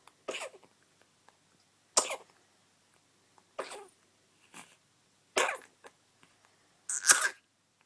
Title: Sneezing, coughing and yawning